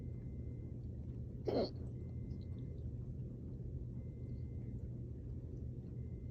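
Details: One brief, abrupt burp from an adult who drank water too fast after an intense workout, burped trying to get the gas out, then got hiccups; steady low room rumble behind.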